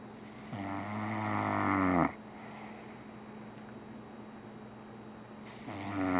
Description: My son's dog snoring on his pillow in Asheville NC .